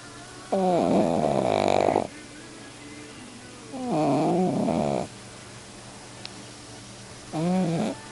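Loud, vibrating snorts on three breaths a few seconds apart, with a whistly edge; a dog snoring.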